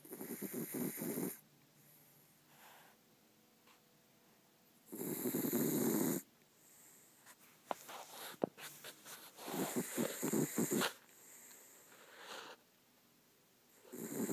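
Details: Exhausted sleeping dog snores in loud rattling bursts with quieter breathing pauses between them.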